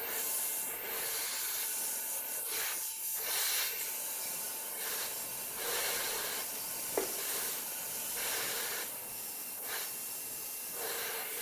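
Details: Steady high hiss of a dental drill in repeated light strokes, leveling and smoothing a phantom tooth surface during classic veneer preparation.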